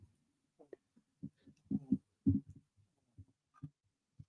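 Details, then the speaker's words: Quiet, low snuffling rumbling snores in irregular short bursts from a sleeping pet, which the owner likens to farts, in a still room. "that's Georgie snor oh who started the fabians"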